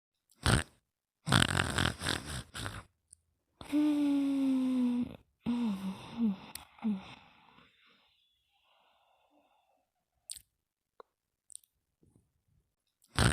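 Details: Very slow snoring: loud rasping breaths, one with a long descending whistling tone and a few squeaky ones, then quiet.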